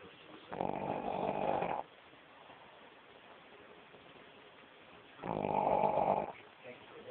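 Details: Dog snoring while asleep; two loud, buzzing rattles on the breaths, separated by quiet.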